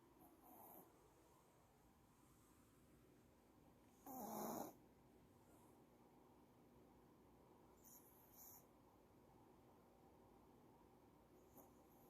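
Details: Snoring in a sleeping female dog, possibly tired: quiet breathing with a single louder rough snore and a few faint snorts in a quiet room.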